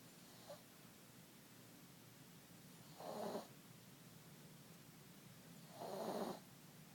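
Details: Sleeping cat: soft, low snorting snores about every three seconds over faint steady background noise; ordinary snoring.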